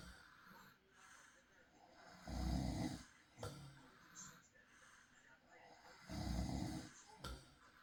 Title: Soft night i recorded my husband snoring • Peaceful Night Sleep Sounds – Real Recording